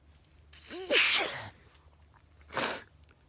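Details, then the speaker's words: Adult sneezing late at night just before bed, after earlier fits of hard full-body sneezing: a sharp sneeze with audible in-breath, then a second smaller sneeze; sneezing. "there's music until about 1:00 in the morning 2:00 in the morning and then when it's finished we can eventually go to bed and just before I go to bed I start sneezing"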